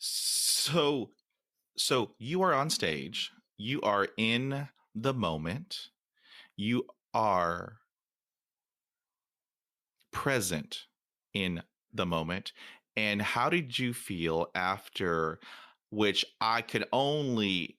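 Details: Adult man who stutters, who says he stuttered more than he had in years during a public talk; stuttering.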